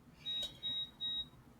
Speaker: my insulin pump wants to keep beeping. I cannot. Okay, I think that is my cue. Because this is like the fourth time my insulin pump has beeped since I've started recording.